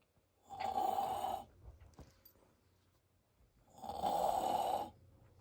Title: My dad snoring really loud